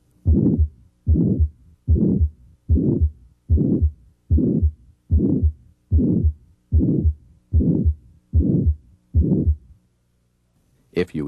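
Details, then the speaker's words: Regular heartbeat around 74 per minute with a loud, harsh midsystolic murmur between the heart sounds, as heard in aortic stenosis, through a stethoscope. "systolic murmurs can occur in healthy people or in those with heart disease for example a loud mid systolic murmur may be heard in aortic stenosis"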